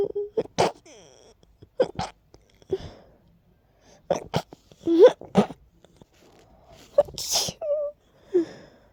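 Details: Breathy catching inhalations followed by short, muffled, held-back sneeze bursts; stifled sneezing from a tickly nose with allergies acting up.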